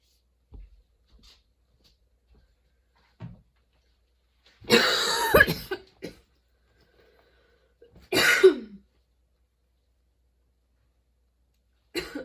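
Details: Sudden-onset nonstop coughing fit that kept worsening, bringing tears and repeated position changes for comfort: harsh coughs and throat clearing, two longer strained bursts between quiet gaps; persistent coughing fit.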